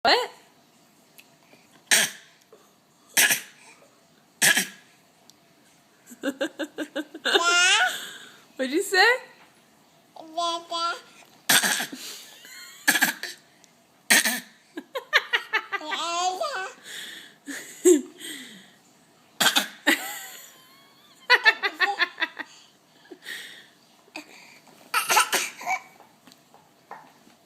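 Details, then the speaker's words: A young child gives short, deliberate fake coughs, a habitual trick, between playful voiced sounds and giggles: voluntary fake coughing. "is that all that fake coughing making you yawn"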